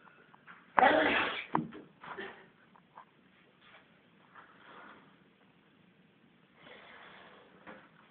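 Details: Drunk old man who fell over and couldn't get up gives a single loud, explosive sneeze, followed by quieter breathing and room noise.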